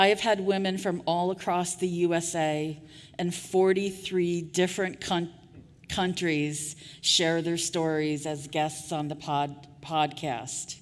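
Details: Real stuttering in an adult woman who stuttered covertly for years before speaking openly; repetitions of sounds, words and phrases are heard.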